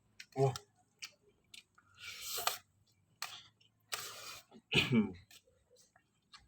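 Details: A few short coughs and throat clearing mixed with slurping and eating noises while eating instant noodles in a quiet room: coughing during a mukbang.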